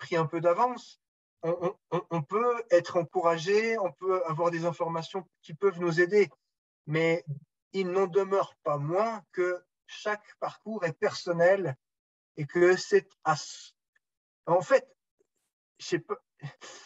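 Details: Adult man who stutters, speaking French; speech much improved over the years, still stutters a little from time to time in French, more in English: stuttering.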